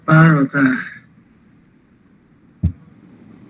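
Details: Parkinson's disease patient, one recording from a set at increasing severity levels; hypokinetic dysarthria.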